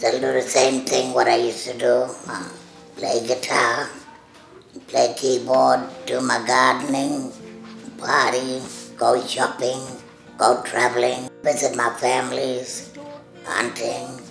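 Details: Adult woman who had total laryngectomy in 2014 for throat cancer, followed by radiotherapy; she breathes through a stoma and speaks with a voice prosthesis (speaking valve) that is changed yearly. Finding: tracheoesophageal speech after total laryngectomy.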